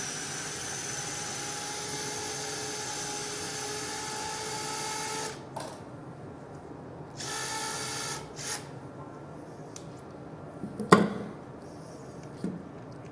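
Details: Steady mechanical whirring that stops and restarts, with clicks and room noise, from a surgical drill opening bone for a screw during robot-assisted lumbar stabilization for a thoracolumbar fracture; surgical bone drill.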